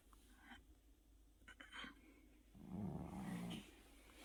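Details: Sleeping cat: a soft, low, rattling snore on a breath against faint room noise.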